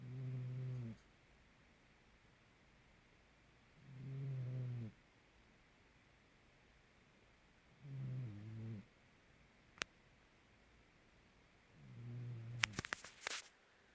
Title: kamere snore and breathing rate